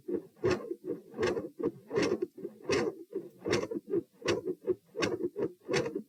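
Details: Heart sounds recorded at position P while standing: regular heartbeat near 80 per minute with a soft extra sound following S2, a third heart sound (S3).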